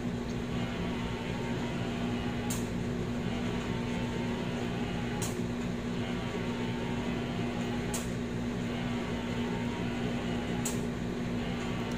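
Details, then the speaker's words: Wisemom Pocket electric breast pump in live suction demonstration on expression mode, high setting (around level 8): steady motor hum with a soft click about every 2.7 seconds as it cycles on strong suction. "Depende rin kasi sa preference mo if you want something na smooth, mild lang, or talagang super suction."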